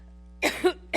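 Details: Adult woman speaking has two or three short, harsh dry cough bursts that break off her sentence, over a steady electrical hum; she says "excuse me."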